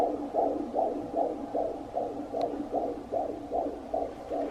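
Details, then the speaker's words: Doppler fetal heartbeat of a baby boy at a 24-week prenatal visit: fast, regular whooshing pulses around 150 beats a minute, a normal fetal heart rate; the second-trimester screening came back normal. "And we got to hear his heartbeat again Love hearing his heartbeat every single time sounds good and said it sounded so good I thought it was yours at first"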